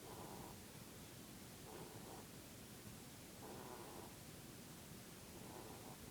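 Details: Dutch/Polish mix pet rabbit snoring while asleep in its usual "Peep" pose; the snore sometimes sounds like a squeak: soft, rhythmic, low rasping noises at about 33 a minute against a steady hiss.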